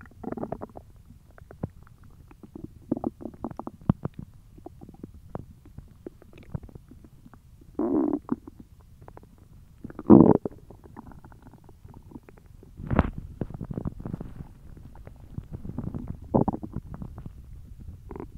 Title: Hungry Belly Noises